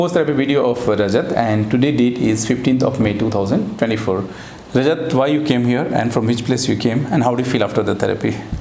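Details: Adult male speaker; normal fluent speech.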